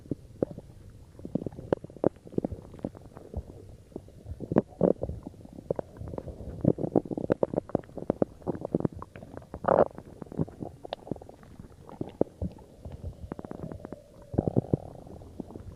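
Frequent gurgling, bubbling rumbles from the belly throughout, recorded while drinking cola; ordinary active bowel sounds.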